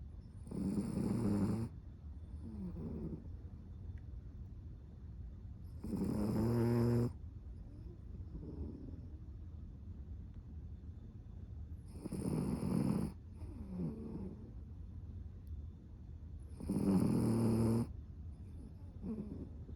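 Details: Loud rattling snores from a cavapoo dog about every five to six seconds, around 11 a minute, with quieter exhalations between: snoring.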